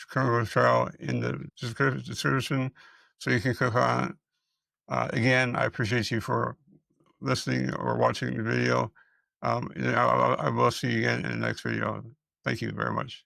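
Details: Adult male speaker; Dysarthria in multiple system atrophy.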